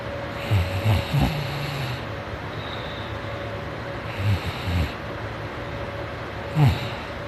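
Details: Morning snoring during sleep: low, snorting, fluttering snores in bursts over a steady background hum.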